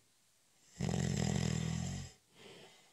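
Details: Short, light cat nap: one rattling, low snore lasting over a second, followed by a soft out-breath; snoring.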